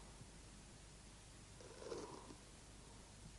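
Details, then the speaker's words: Crepitation (fine crackles) on lung auscultation, from a small amount of fluid secretion in the alveoli: a brief burst of fine crackling at the height of inspiration over a low steady hum. "если небольшое количество жидкого секрета появляется в альвеолах выслушивается крепитация она образуется при разливании стенок альвеол на высоте вдоха"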